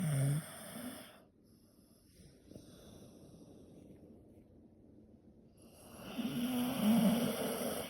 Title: My favorite sound; the snore of my dog. #Snore #dog #dogsnoring